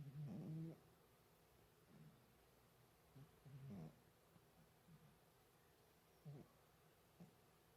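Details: Chihuahua making sounds in its sleep that may be snoring or sleep-talking.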